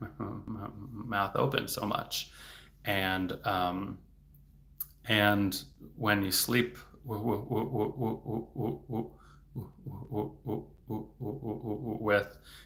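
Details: Adult male speech-language pathologist who stutters, speaking in a livestream, with word repetitions; stuttering.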